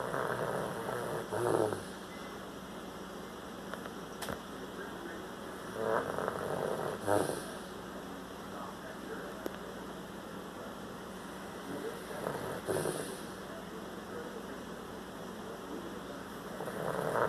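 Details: Dog with noisy breathing: snore-like breaths at roughly 12 a minute over steady room hiss.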